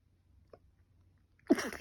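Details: Person with a cold and allergic rhinitis, runny and stuffy nose, and a fever for five days; a short in-breath, then one loud, sharp sneeze burst in a quiet room; sneezing.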